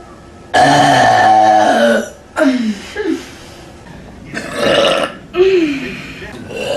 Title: Big Burps Compilation